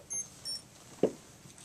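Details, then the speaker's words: Insulin pump giving two short high-pitched beeps after finishing rewinding, with the old reservoir removed during an infusion set change, then a soft tap in a quiet room. "when it finish rewinding you hear beeping sound this just going to happen it's going to beep"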